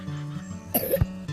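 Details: Child's brief wet cough over background music; a wet cough lasting over 4 weeks may indicate lung infection, warranting a doctor visit.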